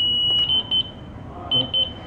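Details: Steady high electronic tone with short beep bursts as a defibrillator delivers a 30-joule pre-use test shock into its built-in tester; defibrillator shock delivery tone.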